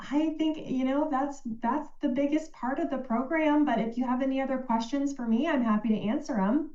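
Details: Adult woman; no disorder.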